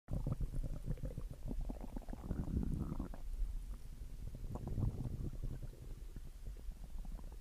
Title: Stomach growling after dinner #viralshortvideo